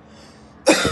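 A single harsh, abrupt cough burst, an adult's imitation of the upper-airway cough of croup.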